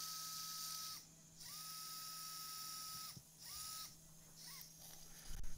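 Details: Live cervical spine fusion surgery (C3–T2): high steady whine of a surgical power drill with a 14 mm bit, run in bursts with short pauses over operating room hum, drilling segmental fixation holes at C4.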